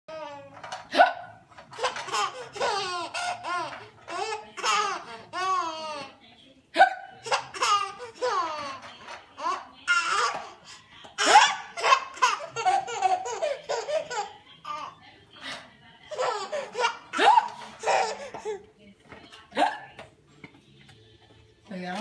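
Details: Elena, an infant sitting in a bouncer, hiccups every few seconds between babbling and laugh-like vocal sounds: hiccups.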